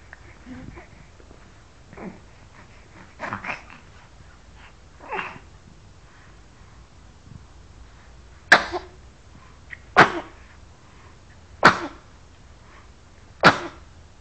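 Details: Person telling a story and then sneezing: soft noises followed by four sharp, explosive bursts about every 1.5 seconds, a run of sneezes; sneezing.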